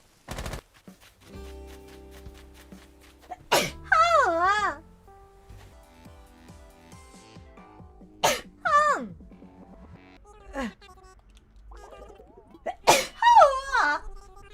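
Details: Sneeze compilation from a streamer's broadcasts: three sharp sneeze bursts, each followed by wavering high-pitched vocal sounds, over soft background music; repeated sneezing.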